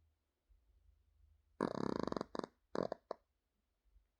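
A loud, drawn-out croaking burp followed by two or three shorter gulping belches in a quiet room.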